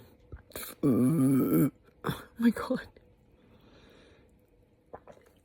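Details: A woman with an upset GI system after eating too much spicy food gives one long, loud, rumbling belch, then shorter throaty bursts and gulping sounds; burping, said to come with hiccups.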